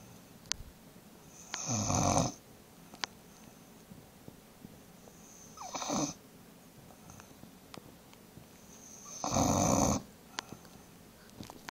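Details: Bulldog snoring: three harsh, rattling snores every few seconds, each with a whistly nasal edge, and quiet breathing between them.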